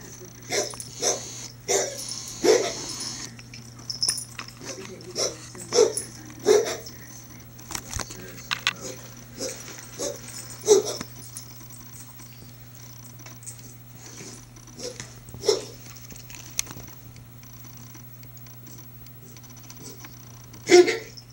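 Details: Cat with feline asthma, two days before a vet visit for trouble breathing and later treated with steroids and Benadryl, gives repeated short, harsh coughing bursts in clusters.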